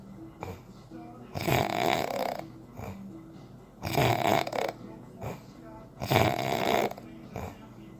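Three loud, rough, rattling snores on breathing in, about every two seconds between quieter breaths, with faint music behind: ordinary heavy snoring.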